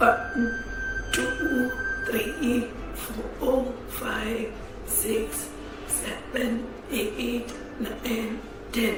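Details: Adductor spasmodic dysphonia in an adult woman counting from 1 to 10, with a strangulated voice and unintentional voice breaks.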